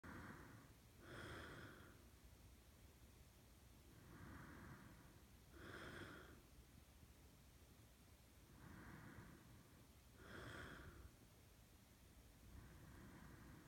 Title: boyfriend snores louder after i open his mouth